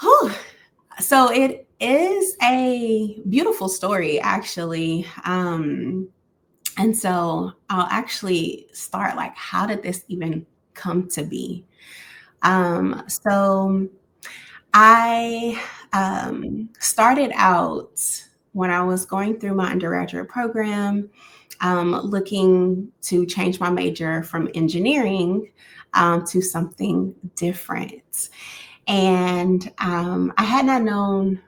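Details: Adult Black woman who stutters, about 31 years living with stuttering, member of a support group for Black women who stutter; stuttering.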